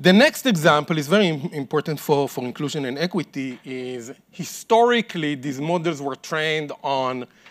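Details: Adult male speaker; normal speech.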